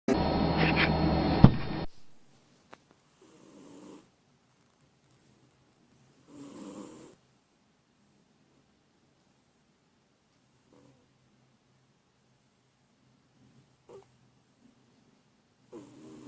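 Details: After a brief loud noise, soft snuffling snores from a sleeping male cat recur at long, uneven intervals; ordinary cat snoring.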